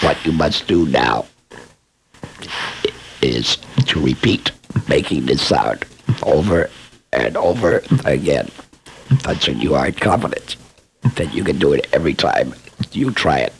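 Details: Esophageal speech by a laryngectomee who is also a speech pathologist, demonstrating esophageal voice production for training after laryngectomy.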